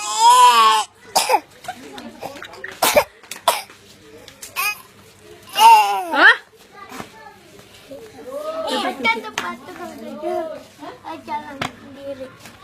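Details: Young child deliberately forcing a cough: a few short, voluntary coughs among voiced, playful vocal sounds in a small room.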